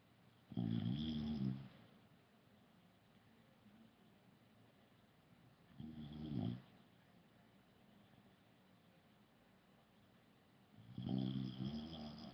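Three rattling snores on inward breaths, about 5 seconds apart, roughly 12 breaths a minute, with quiet pauses between.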